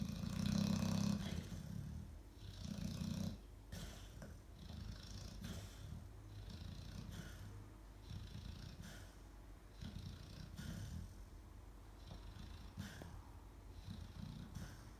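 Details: Baby snoring like a dragon: low, rumbling, rattly snoring steadily through the breaths, loudest at the start.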